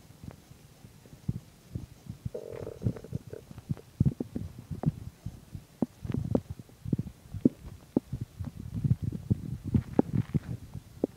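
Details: Frequent low gurgles, pops and rumbling bursts: stomach growling while digesting chicken and milk.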